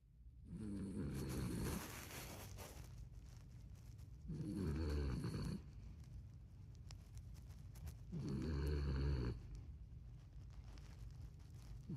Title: Little Dog Snoring #dog #funny #pet #home #furbaby #furbabies